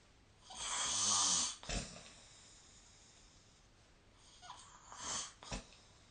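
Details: Adult snoring during sleep, recorded 2025/03/17: harsh, hissing, rasping snore breaths with quiet gaps between them.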